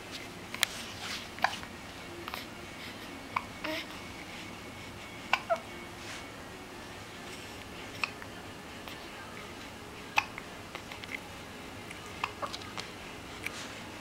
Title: Baby's Hiccups